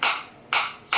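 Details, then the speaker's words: High-energy focused (not radial) orthopedic shockwave therapy device fired on the operator's hand, frequency being raised from 120 to 150 at intensity 11: sharp, loud snapping shots, three in about one second, each with a short fading tail. "You can feel the difference in the sound also. And I can feel the difference in my hand also."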